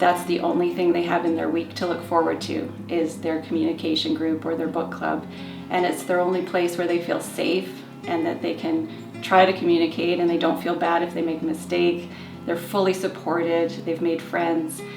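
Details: Adult woman speaking, background music; normal fluent speech.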